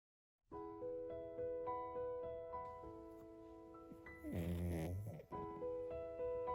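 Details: One loud, rattling snore about a second long, over background music, from a sleeping Yorkshire terrier that snores loudly whenever it sleeps: snoring.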